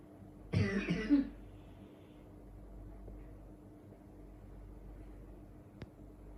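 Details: A single short cough or throat-clearing burst, then quiet room noise with a faint click near the end, from a recording of snoring and coughing.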